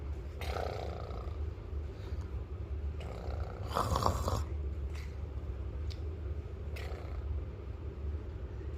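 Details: Young boy snoring before sleep, low rough rumbling breaths with a few harsher, louder bursts: child snoring.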